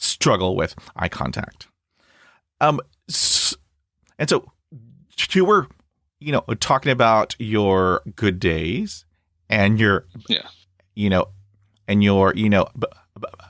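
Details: Stuttering in an adult man, starting around age 3 when he developed Lyme disease from a tick bite, which he still has. It was full-blown by middle school and is now somewhat controlled, with bad days or weeks; briefly closing his eyes eases blocks and repetitions.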